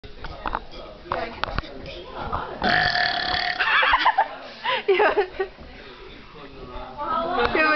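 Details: A brother burping: one long, drawn-out voiced belch, then shorter burps and laughter-like sounds with background talk.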